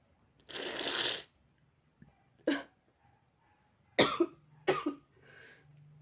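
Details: Run of sneezes from dog allergy, with runny, itchy nose and watery eyes, antihistamines taken but not yet working: a long hissing burst then several short, sharp expulsive bursts; sneezing.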